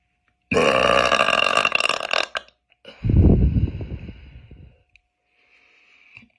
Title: Girls burping